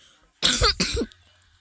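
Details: Two quick, harsh coughs close together in a quiet room; random background noises may come from a younger sibling.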